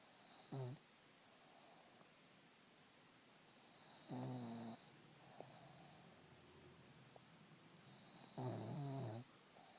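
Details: Three short rattling snores about four seconds apart, roughly 14 a minute, in a quiet room: ordinary snoring.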